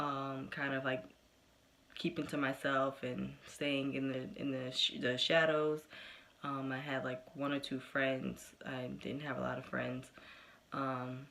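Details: Developmental stuttering in an adult woman, present since about age four; she stuttered covertly in high school, says she has slowed down with age, and still stutters.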